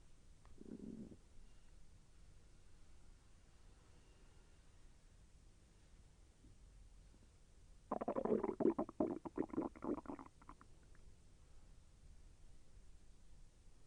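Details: Stomach growling during digestion, intestine moving and slightly painful: a brief gurgle, then a two-second burst of bubbling, rumbling gurgles in a quiet room; active bowel sounds.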